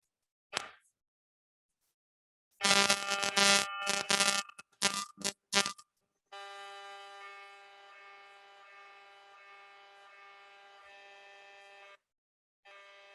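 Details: Loud buzzing and knocking bursts, then a long steady electronic drone, played to illustrate the noise heard throughout a magnetic resonance imaging exam; MRI scanner noise.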